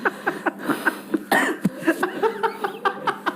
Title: kompilasi batuk😁